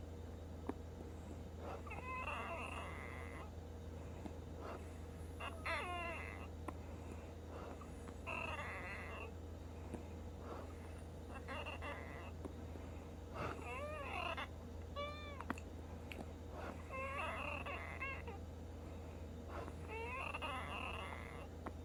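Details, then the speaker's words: Wheezing in a female with Down syndrome, non-stop since her last breathing treatment around 1 AM: repeated high-pitched, musical whistles with each breath over a steady low hum. "It's like a non-stop wheezing since her last breathing treatment, which is about 1 something in the morning."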